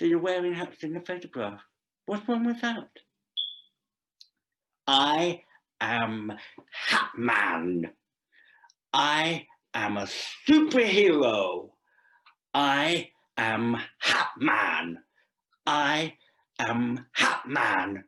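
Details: Deaf adult male actor reading a scripted story aloud; deaf speech.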